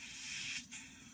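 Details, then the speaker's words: Tracheostomy care and suction skills demonstration: suction machine turned on and set to 100 within an 80–120 range, giving a steady high-pitched hiss with a brief dip as the catheter connects. "turn the suction on to 80 to 120 I'm gonna use a hundred okay so I'm gonna turn this on then I'm gonna turn it on to a hundred okay"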